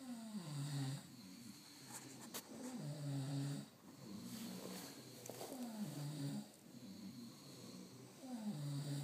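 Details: Men in a snoring contest: rhythmic low buzzing snores, about 23 a minute, some overlapping, with a faint background hiss.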